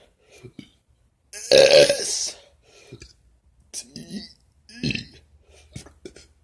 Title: Burping the ABC